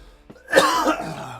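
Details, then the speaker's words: A single harsh cough with a throat-clearing quality from an adult male who has been sick for a week to a week and a half, with a throat tickle and congestion; the whole family has the same cough. "still sick the whole family's been coughing like this for a week week and a half it's the cough has been here the cough isn't going anywhere"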